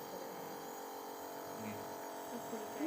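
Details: Nebulizer SOP teaching demonstration: compressor switched on and tested, Ventolin nebulized (Combivent also discussed) via a children's mask covering mouth and nose, chamber kept upright, patient told to breathe deeply; steady motor hum with buzzing drone as medication nebulizes.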